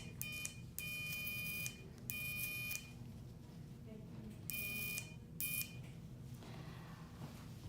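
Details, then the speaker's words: Short bursts of high-pitched electrical buzzing separated by pauses over quiet room noise: electrocautery stopping small oozing blood vessels before stitches during an in-office earlobe repair by a dermatologist. "Just a little buzzing to stop little baby blood vessels from oozing so I can put stitches in and see what we're doing a little bit better."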